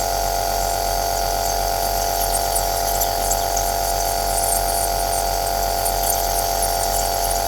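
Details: Aerosol nebulizer machine running, recorded as white noise for sleep: a steady, loud mechanical hum with a constant hiss.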